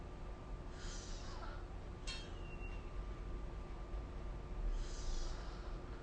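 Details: Snoring during sleep recorded with the SnoreLab app: two harsh, rasping breaths about four seconds apart over a steady low room hum.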